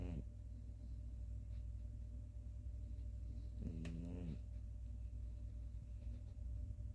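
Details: Sleeping cat snoring: two brief, slightly pitched snores about four seconds apart over a steady low room rumble.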